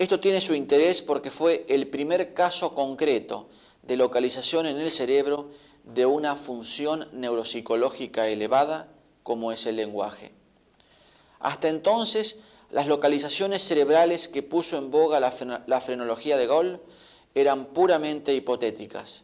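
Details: Adult male narrator; normal speech.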